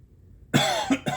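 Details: Adult man with chronic cough and wheezing, suspected acid reflux after an ENT scope showed esophageal redness; after quiet, three quick, harsh cough bursts in close succession, triggered by talking.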